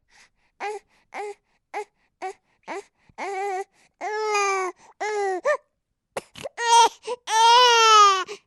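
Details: Sound-sample recording of a crying baby: short, rhythmic whimpering cries building into longer, louder, high-pitched wails.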